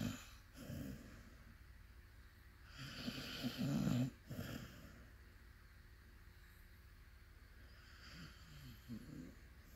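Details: Sleeping puppy snoring: soft, snuffly snores and snorts, irregular, with quiet breathing in between.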